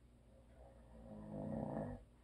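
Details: Husband who always snores, recorded for ASMR with no video: one soft, low, rumbling breath that swells and fades over about a second; a quiet snore.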